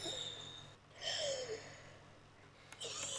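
A child takes effortful, breathy gasps with a faint whining edge, acting laboured breathing during an asthma attack.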